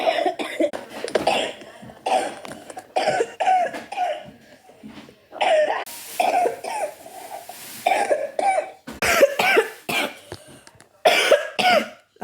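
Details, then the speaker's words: Adult coughing compiled from recordings on vacation and at home: repeated bursts of harsh coughing in clusters, several coughs per bout, with short pauses; cough. "a bonus, so that was a compilation of coughing."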